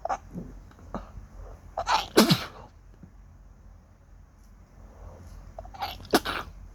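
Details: Morning sneezing after waking with a suddenly itchy nose: two forceful sneezes, each preceded by a quick intake of breath, with soft breathing between them.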